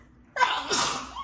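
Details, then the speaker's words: A single forceful sneeze, a sharp breathy burst after a brief quiet intake, during a sudden allergy sneezing fit, with apologetic talk around it. "oh that was big i'm sorry i'm having some big sneezes thanks sorry oh my god i wanted your attention"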